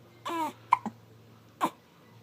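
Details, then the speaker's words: Infant with hiccups: short, sudden voiced catches, a few within two seconds. "What are you doing? You got the hiccups? They're not very fun, are they?"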